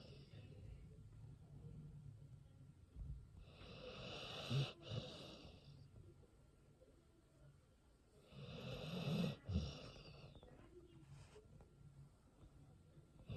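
Two loud, rough snoring breaths with low rumbling and a snorting edge, separated by quieter breathing; a dog snoring in sleep.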